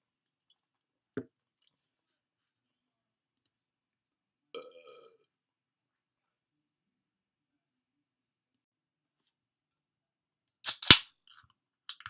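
A few short, separate belches in a quiet room, the last one louder; ordinary burping.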